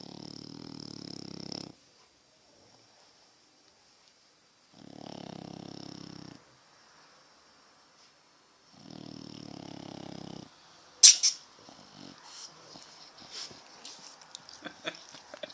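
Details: Sleeping French bulldog snoring: three loud, rattling bursts about four seconds apart, then a sharp noise.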